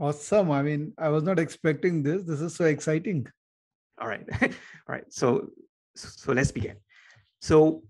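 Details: Adult man speaking; normal speech.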